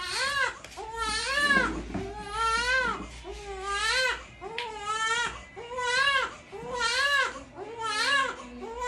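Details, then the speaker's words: Two-week-old baby boy giving rhythmic, high-pitched wailing cries about once a second, with brief gasps between; an ordinary newborn infant cry. "Ayan na umiiyak ka na gusto makita ng Daddy"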